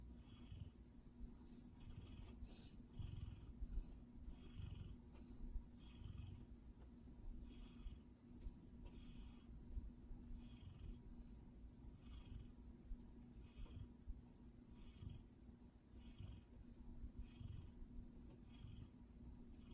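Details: Steady low, rumbling snore from a sleeping dog, with soft rhythmic fluttering through quiet room noise; snoring.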